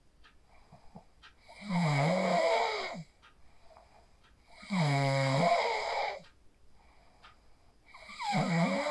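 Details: Real sleep snoring recorded on a phone after practicing the 4-7-8 breathing technique (inhale 4, hold 7, exhale 8): three loud, buzzing inspiratory snores, about 19 a minute, with quiet pauses between.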